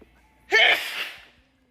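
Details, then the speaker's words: Woman during an allergy attack that began at work and at an eye exam, sore throat after: single sharp explosive sneeze fading into a breathy tail. "Y me fui a hacer el examen de la vista y también empecé a estornudar como loca."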